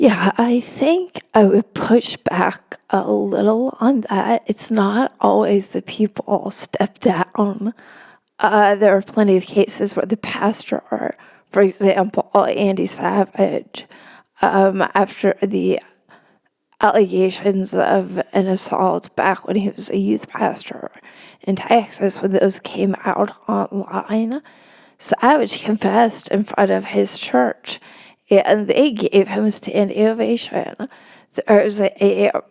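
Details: Real spasmodic dysphonia in a woman, a religion reporter speaking in a podcast interview; no type, onset or treatment stated; spasmodic dysphonia.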